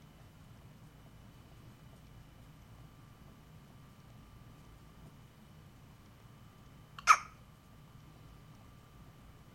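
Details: A single sharp hiccup from a girl with hiccups at home, in a quiet room; an ordinary hiccup.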